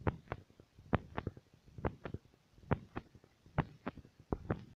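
Paired lub-dub heart sounds through a stethoscope, about 70 beats a minute, with some rubbing noise.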